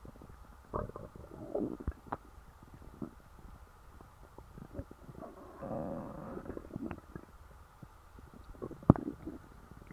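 Low, irregular gurgles and rumbles with a longer rolling growl midway; ordinary bowel sounds after a large meal.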